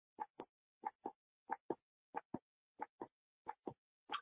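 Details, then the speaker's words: Auscultation in nursing education: steady paired lub-dub beats at about 92 per minute with no extra sounds, documented as normal S1 and S2. "So we were able to hear that. We were able to hear the S1 and the S2 here."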